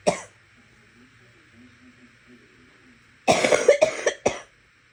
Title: Wet coughing